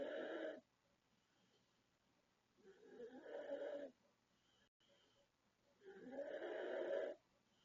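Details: 36-year-old woman from the Philippines snoring in sleep: three long, loud, rasping snores on each in-breath, about 18 a minute, with quiet pauses between them; heavy snoring.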